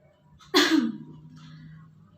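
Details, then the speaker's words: Nursing-skills demonstration of effective coughing after deep breaths and diaphragmatic breathing twice: a single forceful, explosive adult cough to clear secretions into a sputum pot. "Pada saat kedua kita meminta pasien untuk batuk efektif disini"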